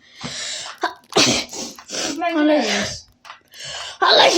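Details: Burst of reflex sneezing in young women during a COVID-19 nasal swab test: several quick explosive sneezes in a row with gasping breaths and a drawn-out vocal cry between them.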